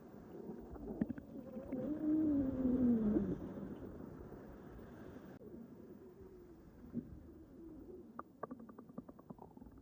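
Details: Micless recording of an adult's stomach the morning after a stuffing session: low gurgling and a drawn-out rising and falling rumble, then softer bubbling with small pops; borborygmi.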